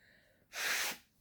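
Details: A single breathy, hissing sneeze lasting about half a second in a quiet room, from a woman about 12 weeks pregnant with allergies, tearing up.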